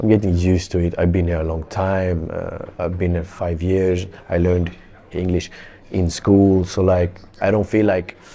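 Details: Adult Swedish male footballer speaking English as a second language, stammering since about age six; stammering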